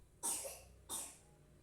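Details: Two short, separate coughs from the speaker's younger sibling, a child, in a quiet indoor room.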